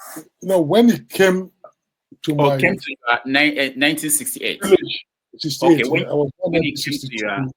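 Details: Adult man who says he developed a stammer in childhood from the trauma of the Biafran war, which he finds sometimes endurable and sometimes not; stuttering.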